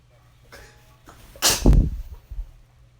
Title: Sneezing Mess